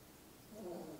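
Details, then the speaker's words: A dog sleeping in the room gives a low, rumbling snore that was at first mistaken for stomach growling; harmless snoring during rest. "my stomach growling that's the dog snoring. It's the dog. He's waiting for his turn to be on camera. So anyway I don't know if you could hear that but it's so funny he snores."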